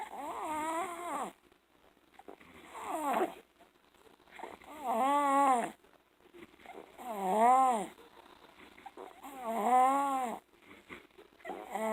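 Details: Loud, high-pitched musical snoring on each breath at about 26/min in a 21-month-old girl born 3 weeks premature at 4 lb, with severe obstructive sleep apnea and enlarged tonsils, recorded after hospital discharge for left-lung pneumonia and three viruses.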